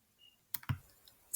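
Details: Pediatric training demo of a CADD pump set up for NCA morphine infusion, 15 kg patient, rate being changed to 2 mL/h: a faint short beep, then soft keypad button clicks.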